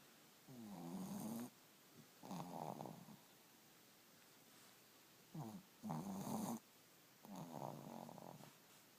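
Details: Loud rattling snores in regular breath cycles, about four snoring breaths in nine seconds, from two sleeping dogs; snoring.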